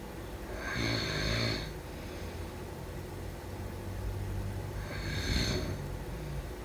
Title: #snoring #snoringasmr #sleepnoises #snoringsleepingsoundeffect #sleepsounds